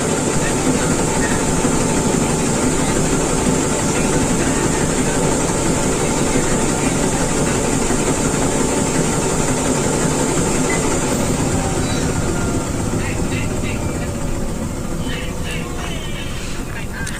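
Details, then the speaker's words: High-frequency chest wall oscillation vest running a 15-minute airway clearance session in a ventilator-dependent patient with acute viral laryngitis: steady rapid mechanical buzzing and rumble loosening chest mucus. "So, now I'm on my vest and this treatment will only last 15 minutes cuz it is just to make sure that all the mucus in my chest actually gets out."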